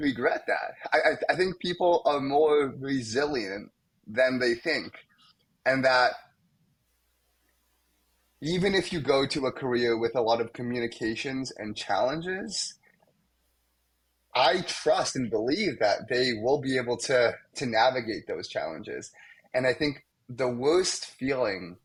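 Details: Young man, a medical student, who has stuttered most of his life, with blocks, especially on his name, and sound repetitions; stuttering.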